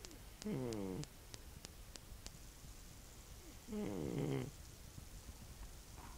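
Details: Old man snoring: two loud, rattling snores on breathing in, a few seconds apart, with light clicks between.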